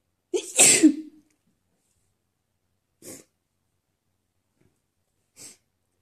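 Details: Person deliberately sneezing on request, trying to sneeze "girlier", sneezes messy and wet: one loud sneeze with a sharp in-breath, then two small soft sneezes in a quiet room.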